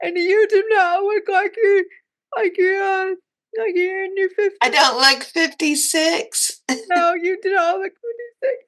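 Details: Dysarthria from cerebral palsy in a woman who says talking is hard for her; live-stream viewers keep asking if she is okay.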